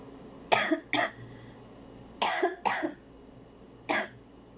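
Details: Five short dry coughs in two bursts and a single, in a quiet room; an ordinary cough. Warm milk and honey suggested to relieve the cough.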